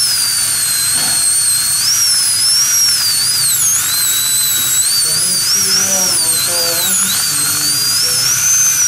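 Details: Steady high-pitched high-speed dental drill whine dipping as it cuts, faint background talk, during crown tooth preparation using a gum protector for aesthetic restoration.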